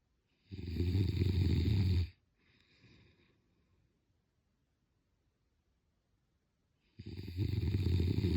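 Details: Snoring: loud, deep, rattling snores on the in-breath, each lasting about a second and a half, with long quiet pauses between them.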